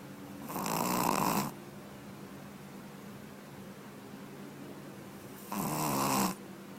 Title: Puppy:: Dog is snore